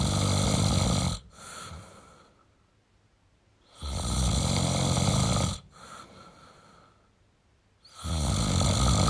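Loud, rough snores on each in-breath with quiet out-breaths between, about 20 breaths a minute; ordinary snoring.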